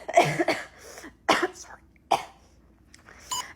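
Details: Acted skit, adult woman playing a store cashier: about five short, dry coughs in quick succession in a quiet room; a simple cough.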